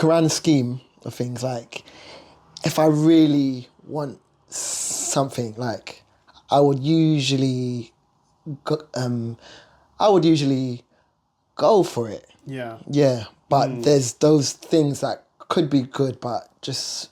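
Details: Adult man, a UK singer and songwriter who lives with a stammer: stuttering.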